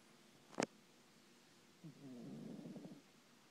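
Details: A sharp snort, then a drawn-out fluttering, rumbling breath in a pet sleeping on a chair; snoring.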